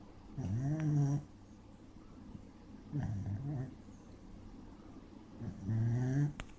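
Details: Sleeping dog snoring: three low, rumbling snores about two seconds apart, with quiet pauses between them.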